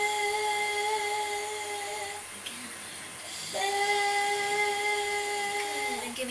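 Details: Woman with an hourglass glottal closure pattern, with gaps at the top and bottom and closure only in the middle of the cords; very raspy, breathy voice; breathy, rough voice from incomplete (hourglass) glottal closure.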